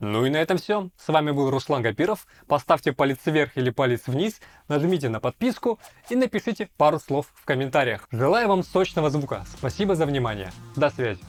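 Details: Male host's own voice with an artificial lisp made by overdoing de-esser processing around 6000–6500 Hz and above, not a real disorder; lisp (sigmatism), simulated.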